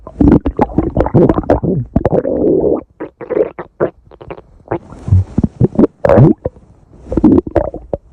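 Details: Stomach growling (borborygmi).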